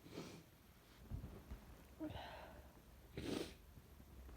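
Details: Induced sneezes from a person with a cold, nose very sensitive and congested: two sharp sneeze bursts with a soft sniffing catch between them over faint background noise; repeated sneezing.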